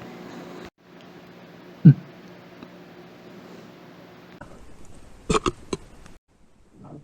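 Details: Trans woman trying to burp on command: a short, deep burp in a quiet room, followed by a few softer clicks and mouth sounds; burp.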